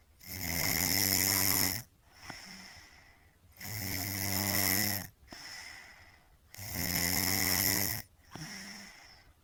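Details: Loud, buzzing inhaled snores alternating with softer exhalations, about 19 breaths a minute, in a steady rhythm during sleep; ordinary snoring.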